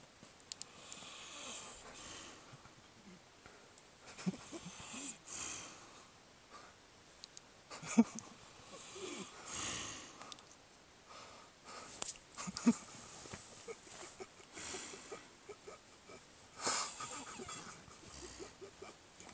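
Soft, irregular wheezy snoring breaths with sniffs in a quiet room, about 13 breaths a minute.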